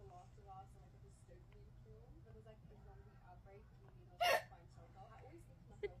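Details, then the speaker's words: Person with hiccups, whole body jerking with each one: a single sharp, abrupt hiccup, possibly followed by a fainter second one, over soft background tones and room noise. "You got the hiccups. >> That's not funny. >> Your whole body's jerking."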